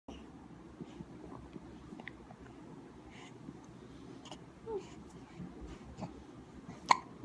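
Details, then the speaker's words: Soft, brief hiccups from an infant boy in a quiet room, the last one sharper and louder, while he discovers his fingers and hands. "Oh, Hiccup. Oh, Hiccup. There it goes."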